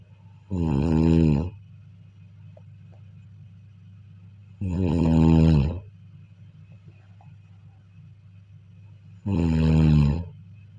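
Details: Three loud, low, rattling snores on the in-breath, about 14 a minute, with quiet breathing between, recorded during sleep: snoring.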